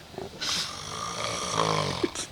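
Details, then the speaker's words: A Marine in deep sleep who cannot be woken and keeps others awake: a loud, rough, rattling snore sustained through one long breath, ending in a snorting catch; snoring. "he keeps the Marines awake all night with his listen to that bear in hibernation it's like a water buffalo"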